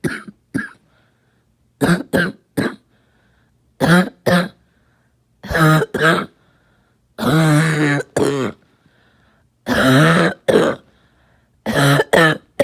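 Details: Adult coughing all night: repeated bouts of short coughs and throat clearing in a quiet room.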